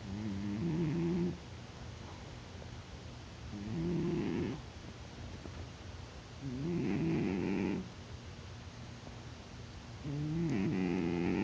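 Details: Cat snoring in deep sleep, not waking despite being poked, getting louder over time: steady, buzzing snores about every three seconds, roughly 18 breaths a minute, with soft noisy breathing between.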